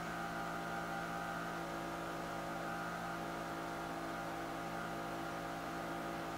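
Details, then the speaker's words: Constant mechanical hum and airflow noise as a person blows steadily at about three liters per minute into a GastroCH4ECK Gastrolyzer in direct breath sampling mode, for an end-tidal hydrogen/methane breath test. "now the machine needs to be blown into a level of three liters per minute and keeping it between those two lines on the screen will allow this to happen correctly"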